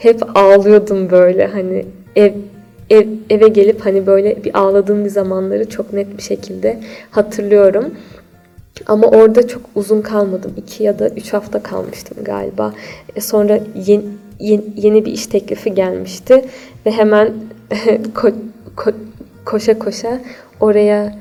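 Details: Stuttering in a 28-year-old woman.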